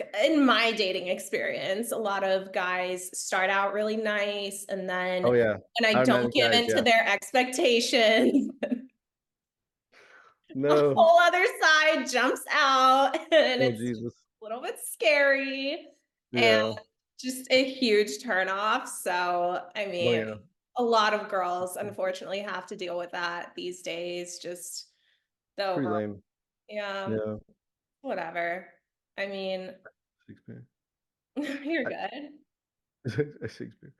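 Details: Adult woman speaking; normal speech.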